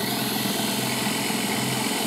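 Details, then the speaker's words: Guided DS PrimeTaper hands-on demonstration on a model with surgical guide, mandibular molar site, for a PrimeTaper EV Ø4.2 x 11 mm implant. Drill number four is inserted from the side and runs with a steady high-pitched motor whine. "we go to The Next Step real number four same procedure again put it in from the side start drilling"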